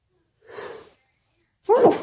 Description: wet and muffled sneezes, sniffles and nose blowing in the middle